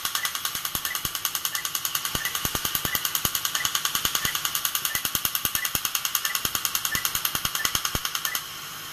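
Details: Rapid, very regular sharp snapping pulses, about 200 a minute, over a steady high hiss of water spray: a dental laser removing a cavity in a back tooth of a live patient, with no numbing shot or drill.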